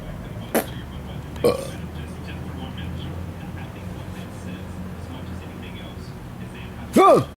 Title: burping myself to death